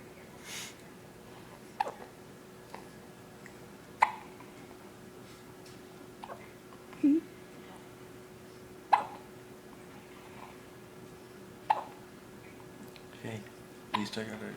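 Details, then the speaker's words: Quiet room with soft, abrupt little catches every couple of seconds, about seven in all: a baby girl's hiccups, which she often gets. "baby girls got the hiccups like she always did sorry baby girl she's such a daddy's girl"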